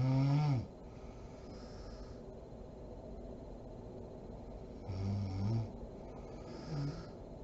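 Deep, vibrating snores on breathing in, against steady background hiss: ordinary snoring.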